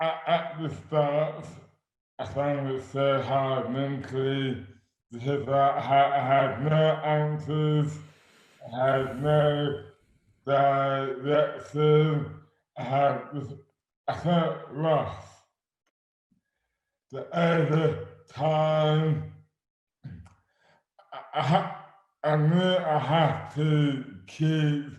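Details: Adult man with dystonia causing dysarthria (oromandibular dystonia); speech became slurred suddenly overnight in May 2008 without known cause, about 12 years before this 2020 recording; speech is severely impaired and his hands are also affected.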